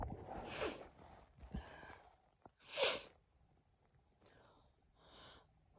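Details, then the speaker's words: Female sneezing after a long time without sneezing: series of breathy inhalations and hissing sneeze bursts, two stronger, then softer sneezes. "sneeze. Oh. Oh. Still there. More. Oh. Gosh. I don't think I'm done."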